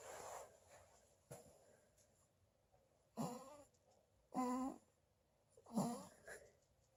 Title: Snoring baby!